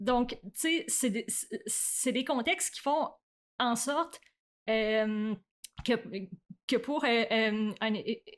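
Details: Adult woman who stutters, with onset around age 7 or 8; stuttering.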